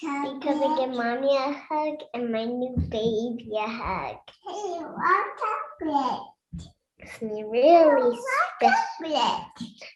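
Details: Cluttering in a 9-year-old boy.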